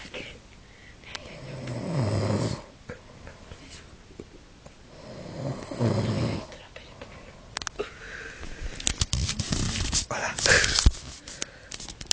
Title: Roncando